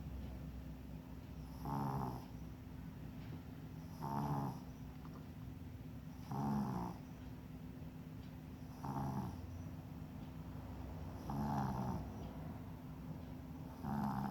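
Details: An animal relaxed and asleep during an acupuncture session snores softly with a regular rattle, about 25 a minute, over a steady background hum: snoring.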